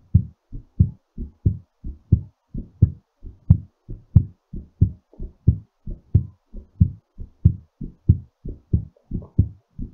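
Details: Steady, strong low thumps at about 90 beats a minute, a normal heartbeat slowing during recovery after exercise.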